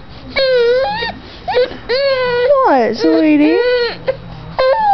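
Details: 5-month-old infant crying: loud, wavering wails and whimpers in short bursts with brief pauses in a small room; infant cry.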